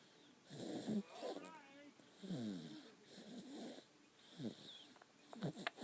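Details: Snoring during sleep: irregular snuffling, rattly snores with whistly, squeaky breath noises.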